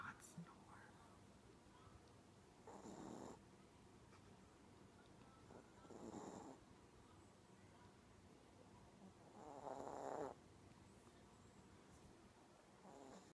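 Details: Chihuahua snoring while asleep: soft snoring with three or four noisy breath sounds over a quiet room background.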